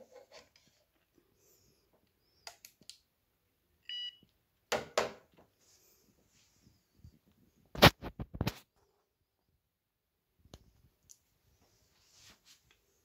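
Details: Brief electronic beeps from a breathing (apnoea) monitor, amid quiet room rustling and taps.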